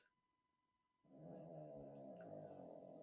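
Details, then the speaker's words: Small Shih Tzu dog asleep under a table: after a quiet second, a low, rough, rattling snoring rumble begins. "Now, I'm really sorry if you can hear snoring. It's actually my little dog. He's a Shih Tzu, so he can't help it."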